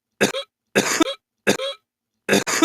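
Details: Adult coughing attack: four rapid, harsh coughs in quick succession, a brief coughing fit.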